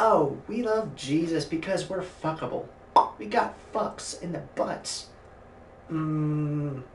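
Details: Adult male streamer with Tourette syndrome, producing involuntary obscene vocal tics, described as severe coprolalia, while playing a video game; coprolalia (Tourette syndrome).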